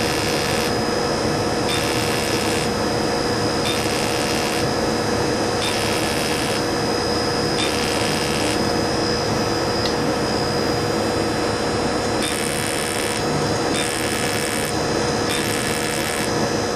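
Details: Fractional CO2 laser resurfacing for acne scars on a patient's face, double pass on cheeks and forehead: steady machine hum with hissing, buzzing pulses about every two seconds.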